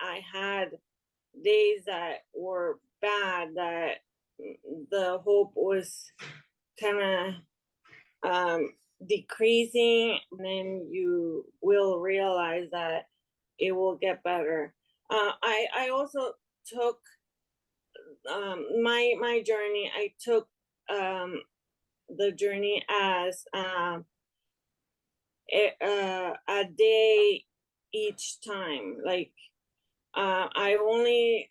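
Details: Aphasia in a woman after an ischemic stroke in March 2020 that left her unable to speak; improved but still recovering, heard in conversational speech.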